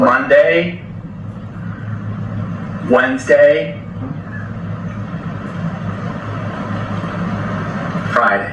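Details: Broca's aphasia after stroke in a man: effortful, telegraphic speech, with the interviewer having to fill in his sentences.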